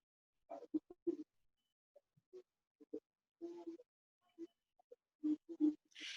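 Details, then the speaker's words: Objective clicking tinnitus from palatal myoclonus, recorded from a patient: irregular bursts of short clicks in a quiet recording. "this is one of my colleague dr. murrow's recorded this pulsatile tinnitus or clicking tinnitus a belated micronus from of the one of his patients so just you can hear and here is a clicking"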